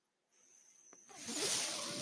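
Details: Mechanical ventilator sound: a faint steady tone and a soft click, then a rising airy whoosh as a podcaster's own ventilator delivers a breath during speech.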